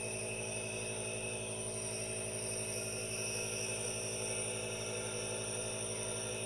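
Steady mechanical hum with a constant hiss, the running noise of a nebulizer.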